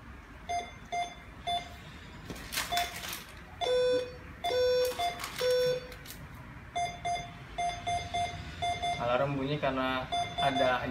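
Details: Repeated electronic beeps in patterned bursts with brief room voices from a Beckman MEC-1200 patient monitor during a demonstration; alarm sounding because a measured value is too high.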